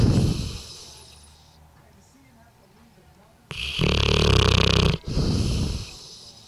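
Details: Loud, rough, rumbling snore bursts with quieter gaps from a 2-year-old Bullmastiff napping after a large Christmas turkey meal; snoring in a sleeping dog.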